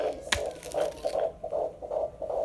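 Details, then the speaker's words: Single fetal heartbeat on Doppler in a mother's third pregnancy, described as nice and strong: rapid, regular whooshing pulses at about 150 beats a minute. "There it is. Whoa. That's it. That sounds great. That's a heartbeat."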